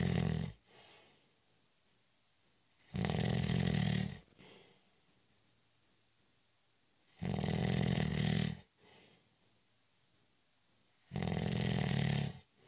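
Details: Snoring during a short, light nap (cat nap): loud, harsh, rattling snores about every four seconds, roughly 15 a minute, with near silence between them.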